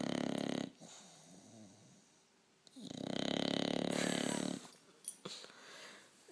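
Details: Bulldog snoring: two long, loud, rattling breath sounds with quiet breathing between them.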